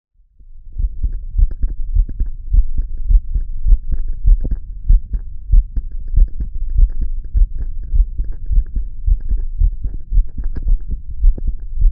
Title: Listening to my heart beat